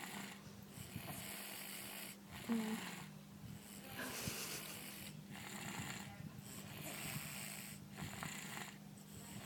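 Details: Snoring during sleep: rhythmic noisy breaths, a few per ten seconds, over a low steady hum in a quiet room. The owner wonders whether the snoring comes from being fat.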